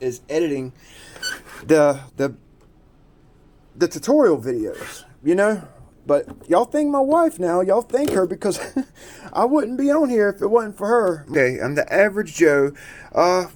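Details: Adult man who describes himself as someone who stutters and repeats himself a lot; stuttering.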